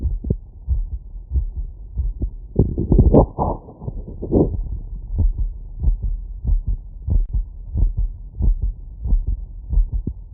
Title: Heartbeat auscultation stethoscope heart sounds after workload